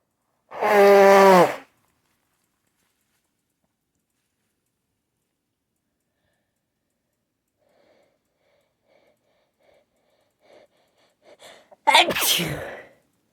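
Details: Repeated loud sneezes and nose-blows: one loud voiced sneeze, a long quiet gap with faint sniffing, then a sharp nose-blow-like burst.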